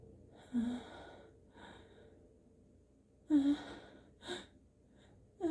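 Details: A person sneezes under backlit lighting with increasingly congested sneezes. There are short, wet, inhaled gasps and a snorting, congested sneeze burst amid quiet breathing. This is a congested sneeze.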